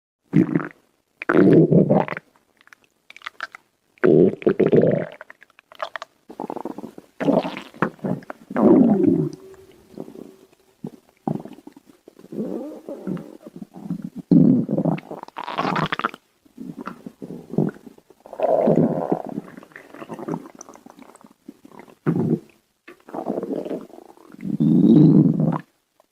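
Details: Stomach growling: irregular gurgling rumbles and squelches from the belly, ordinary bowel sounds of digestion (borborygmi).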